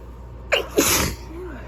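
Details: Sneezing fit during an illness: a sharp in-breath catch followed by a single loud, forceful sneeze.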